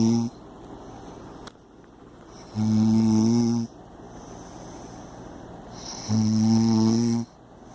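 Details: Heavy snoring: two loud, deep, buzzing snores about a second long each, separated by quiet breathing, roughly 17 breaths a minute.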